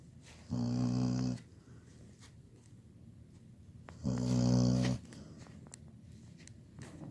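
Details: 17-year-old labradoodle snoring loudly: two buzzing snores on the in-breath, a few seconds apart, with quiet breathing between.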